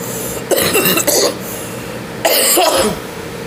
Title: Vaping and coughing